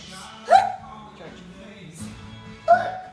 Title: has the hiccups.